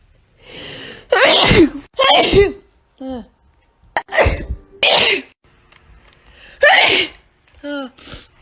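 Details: A run of loud explosive sneezes with sharp intakes, mixed with brief vocal sounds and soft room noise; ordinary sneezing.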